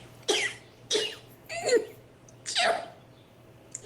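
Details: Four quick, sharp sneezes in rapid succession, each a short explosive burst of air; rapid sneezing.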